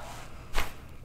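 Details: Single sharp joint cavitation crack against quiet room noise during a chiropractic adjustment, taken on a deep breath out, in a dancer with snapping hip syndrome, after a pelvic gap test and left-sided scar tissue.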